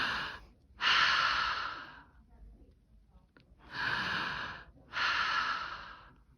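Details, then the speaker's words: Normal breath sounds heard with the stethoscope diaphragm on the anterior chest, starting above the clavicles and moving down: two slow, full respiratory cycles with clear airy inspiration and expiration, no wheeze or crackles. "what we'll do is we'll put on our stethoscope use the diaphragm listen for a full respiratory cycle full inspiration full expiration"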